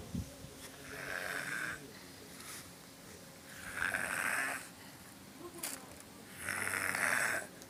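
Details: Asleep in a pool after swimming: three long, rough, rattling breaths about every three seconds (roughly 22 a minute) with quiet gaps between them, snoring during sleep.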